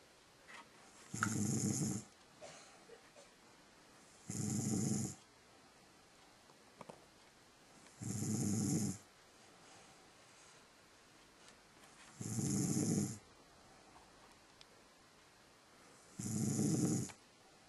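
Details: Mother snoring: rhythmic low rattling snores on each breath in, about 15 a minute, with quiet pauses between them; snoring.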